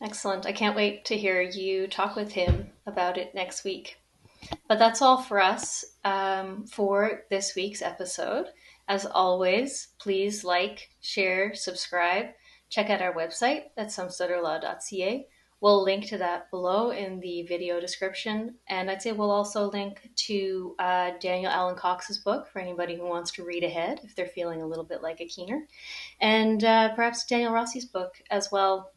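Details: Adult; normal speech.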